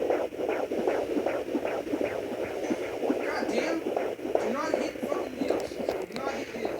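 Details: Fetal heartbeat at 22 weeks of pregnancy on a Sonoline B fetal Doppler: fast, regular, whooshing, galloping beats at about 150 a minute.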